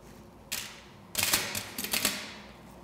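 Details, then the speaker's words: Several sharp clicking taps of teeth closing in quick succession as the patient taps on articulating paper to recheck bite contacts after a filling for caries K02, dental accreditation exam station; teeth tapping on articulating paper. "проверяю повторно проверяют корректным артикуле зона контакта с помощью артикуляционной бумаги закройте постучите"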